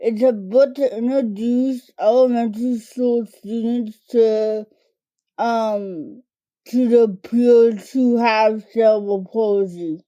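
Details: Dysarthria from cerebral palsy diagnosed in toddlerhood, in an adult woman; it primarily affects her speech and fine motor skills.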